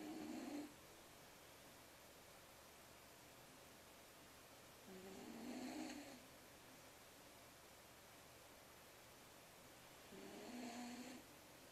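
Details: Three regular rough snores about five seconds apart, roughly 12 a minute, with quiet pauses between; ordinary snoring during sleep.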